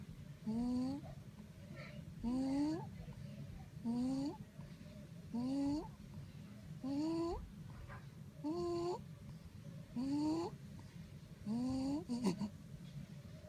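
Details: Dog's stridor: harsh, high whistling squeak on each breath, about 39 breaths a minute.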